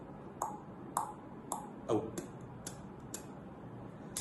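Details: Imitated heart sounds: a sharp, high-pitched snapping click in early diastole just after S2. It illustrates the opening snap of a stenotic, non-calcified valve.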